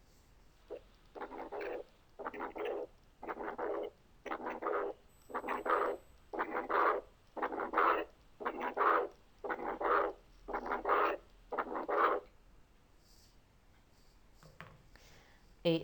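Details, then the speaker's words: Pulmonary hypertension complex, from a recording or simulation of a marked case: regular cycles near 58/min. S1, a soft low functional pulmonary systolic murmur from increased flow, an accentuated loud S2, then a faint early diastolic pulmonary regurgitation murmur. "هنا الاس 1 وبعد كده سمعنا فانكشنال ميرمر صغير صوت واطي، بعدين اكسنتويتد اس 2، وبعدين الميرمر اللي وراها اللي هو البلمونري ريجيرج ميرمر الايرلي دايستوليك."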